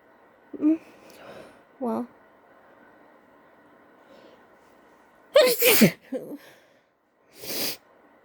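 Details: Woman coaxing out sneezes because of an itchy nose, possibly from allergies: a few small voiced catches and in-breaths, then two loud explosive sneezes with a softer breathy burst between them, a sneezing bout.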